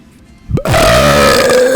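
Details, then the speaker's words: A deliberate, on-purpose burp announced as a big one: a single loud, long, drawn-out belch with a steady rumbling tone. "Yes, I can burp. I can burp on purpose. Let it sink a little bit. Are you happy now? What do you got now? Okay, here comes another burp. A big ass burp."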